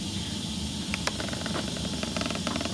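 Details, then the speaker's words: Steady hissing rush of a suction unit already running at the set power, with faint clicks and handling noise, before connecting the catheter for tracheostomy suctioning; suction device running. "participation we've already got the suction going and set to be appropriate appropriate power we're going to hook it up now"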